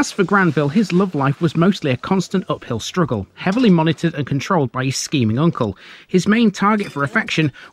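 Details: Adult male narrator; normal speech.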